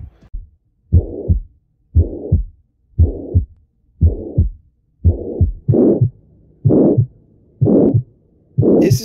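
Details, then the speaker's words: Heart auscultation example of a murmur from turbulent flow within the cardiac chambers, steady heartbeat near 58 a minute with a loud whooshing murmur filling the gap between heart sounds: heart murmur. "note-se que o mormoro produzido é fruto do fluxo turbulionar dentro das câmaras cardíacas fluxo esse que pode ser causado por deficiências nas válvulas ou na parede cardíaca"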